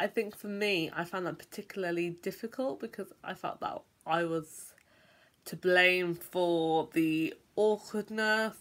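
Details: Adult who stammers, speaking; stammering.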